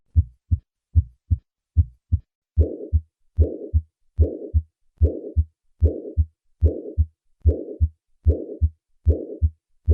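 Clean heart sounds at about 74 beats a minute, then a systolic murmur that starts loud after the first sound and fades: acute mitral regurgitation.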